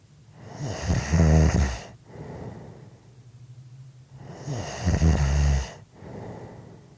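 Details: Two deep, rumbling snores on breathing in, with softer breaths out between, about 17 breaths a minute; snoring.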